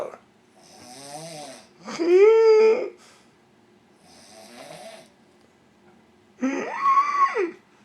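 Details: Resting around noon: loud, drawn-out, rattling breaths with a groaning voiced tone alternating with softer breaths, possibly imitated; snoring.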